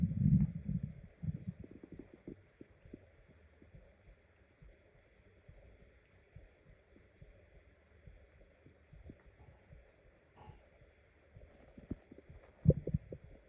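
Low gurgling and rumbling with soft irregular bubbling, louder at start and end; ordinary stomach growling from hunger.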